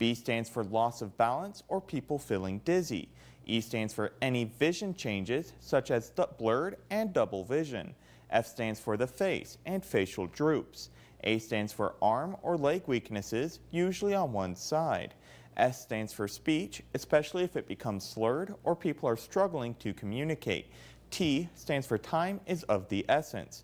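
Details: Adult male speaker; Typical speech.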